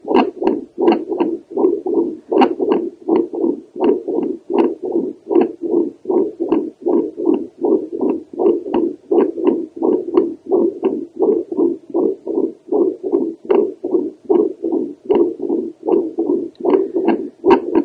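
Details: Doppler heart sounds from an adult woman over the aortic valve: rhythmic whooshing pulses at about 79 a minute, slightly uneven in strength.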